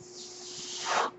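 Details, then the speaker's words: Mechanical ventilator breathing cycle heard in the background while a podcaster speaks; he notes the noise is his own ventilator. "my name is that noise you're hearing my ventilator and thank you for tuning in"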